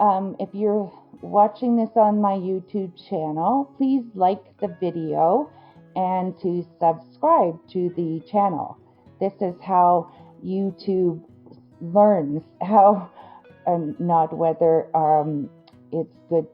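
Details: Adult woman with Broca's (non-fluent) aphasia after a stroke that injured the Broca region of her brain; word-finding difficulty and sound substitutions reported, comprehension intact.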